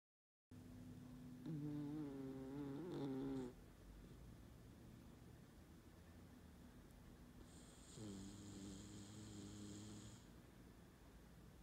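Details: Dog sleeping soundly after a walk, snoring like a human: two drawn-out, rattling, humanlike snores over a faint steady room hum.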